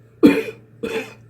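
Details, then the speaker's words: Person with COPD demonstrating controlled coughing for airway clearance: two short, fairly soft deliberate coughs, coughing in different sections without forcing it. "when you cough, (cough) (cough) (cough). Cough in different sections of your"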